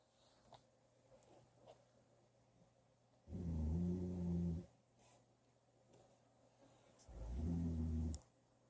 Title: Xmas Eve Snore. 646 pm.